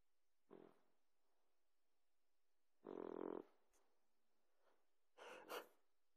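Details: Sleeping Boxer puppy, who reportedly snores like this all the time: three separate noisy snoring breaths, the middle one loudest and harsh. Ordinary puppy snoring.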